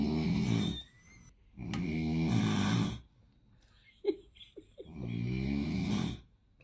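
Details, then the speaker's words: Loud snoring from someone asleep in the house during a pre-dawn sahur meal: three loud, rasping, buzzy snores about two seconds apart, with faint clinks between; possibly a dog snoring. "Evde dinozor var. Evde odun kesiyorlar."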